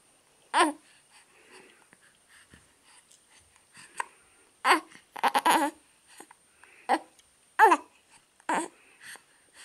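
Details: Infant hiccuping with the whole body: about five short, abrupt voiced squeaks at irregular intervals, with soft babbling between them; infant hiccups.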